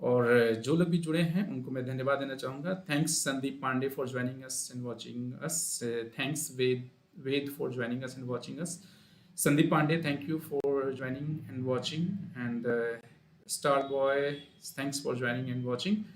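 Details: Adult male speaker; normal voice.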